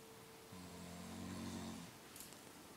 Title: The Snoring Beast...